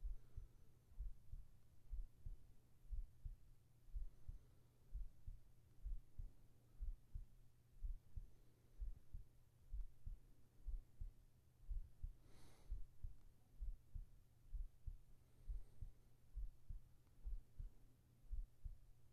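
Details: Even, low lub-dub beats at about 62 a minute with faint hum and one brief rustle, in a sleep ASMR recording; regular normal heartbeat.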